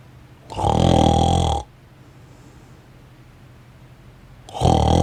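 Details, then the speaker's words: Loud harsh rattling snores, two about four seconds apart with quiet breathing between, from a sleeper; a contactless wall-mounted snore-stopper above the pillow lights a red LED for sounds and fires a flash only for snoring. "das gerät reagiert auf die töne und geräusche durch das aufleuchten von roten leuchtdiode aber das blitzlicht von starker blitz led wird nur bei schnarch geräuschen eingeschaltet"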